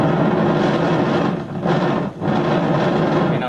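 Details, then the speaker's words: EMG recording from a patient with jaw-closing dystonia while told to keep biting: loud continuous crackling roar, briefly easing and returning; dense interference pattern of muscle activity in jaw-closing dystonia. "And this is somebody with jaw closing dystonia."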